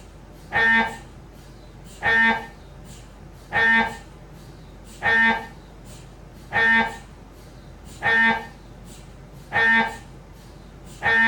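Loud buzzing tonal bursts repeating about 40 times a minute at a steady beat, the typical gradient noise of an MRI scanner during imaging.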